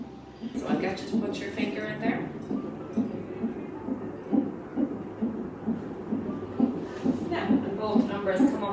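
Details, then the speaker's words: Fetal heartbeat from a CTG monitor during pregnancy/labour monitoring: rapid, regular whooshing pulses about 130 beats a minute. "the machine also produces a beating or pulsing sound that represents your baby's [Music] heartbeat"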